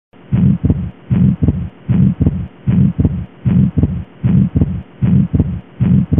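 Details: Systolic murmur with fixed splitting of S2 in atrial septal defect, real-time heart sound at about 77 a minute: S1, then a soft systolic murmur, then a split S2.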